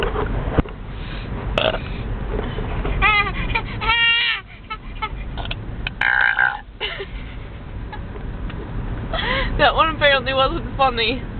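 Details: Several loud, drawn-out, deliberate tonal belches by a girl in a car while her baby brother laughs; voices, laughter and car noise behind.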